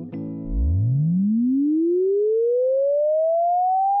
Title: hearing checkkk👂😊#shorts #hearingcheck #check #hearing